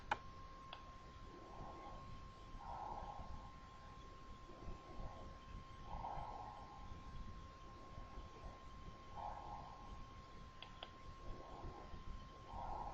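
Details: Bronchovesicular breath sounds: soft blowing sounds with inspiration running straight into expiration.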